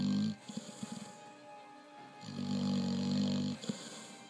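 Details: Dog fast asleep: two long buzzing snoring breaths with a fluttering rattle, mixed with background music; snoring.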